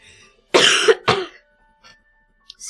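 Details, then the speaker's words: Two loud, harsh coughs in quick succession, then quiet, from an adult who says they have been sick. "me. I can mute. That was kind of gross. I'll mute next time."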